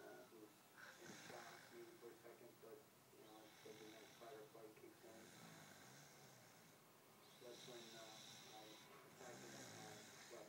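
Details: Elderly woman (grandmother) snoring in sleep: repeated rough, rattling breathing sounds with a buzzy, voiced quality.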